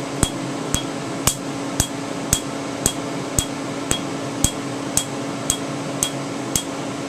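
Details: Q-switched Candela TriVantage laser, 755 nm alexandrite, 2 mm spot, removing a name tattoo after topical anesthetic, with pinpoint bleeding: sharp regular snapping clicks, about 113 a minute, over a steady hum. The snap is louder over untreated ink.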